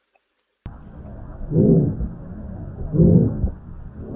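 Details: Aortic stenosis murmur.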